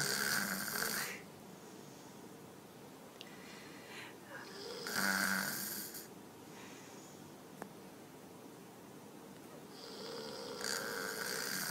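Loud, harsh rattling snores on each breath in, about 12 a minute, from a sleeping toddler.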